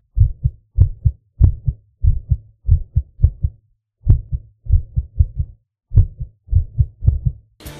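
Low heart sounds at roughly 95 a minute come in uneven clusters with varying gaps and pauses, an irregular heart rhythm.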